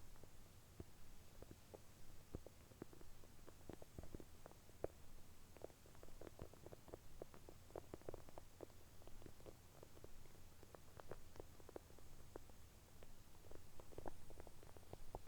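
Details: Bowel sounds early in the morning on an empty stomach, right after drinking a full glass of milk all at once: quiet, frequent gurgles and clicks about once a second at irregular intervals, active bowel sounds.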